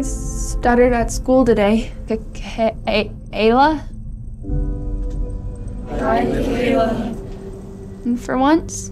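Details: Stuttering portrayed (acted) in a short film for International Stuttering Awareness Week by a character, likely a boy of school age; stuttering.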